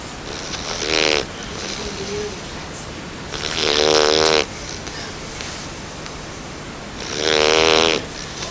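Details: A sleeping Bernese Mountain Dog puppy just over 9 weeks old gives loud, rattling snores on slow breaths, about 18 a minute, with a vibrating buzz on each breath; snoring.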